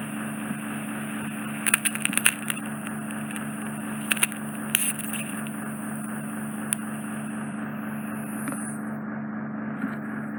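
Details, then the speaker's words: Ear wax microsuction of impacted wax plastered over the eardrum, from cotton bud use; steady suction hum and hiss with crackles and pops, patient briefly dizzy. "There's a lot of wax just literally plastered over the eardrum, so I'm going to use a different instrument to delicately try and remove as much as I can."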